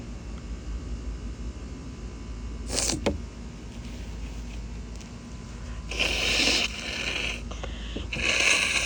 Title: some quick stifled sneezes (f)